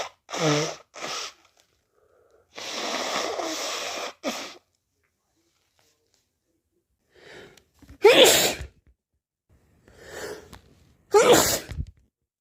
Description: wet powerful and muffled cold sneezes also shower sneezes and nose blows